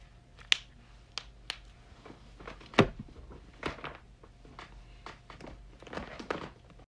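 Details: Neck and back joint-cracking ASMR compilation: irregular sharp pops and cracks over a quiet room, typical of joint cavitation.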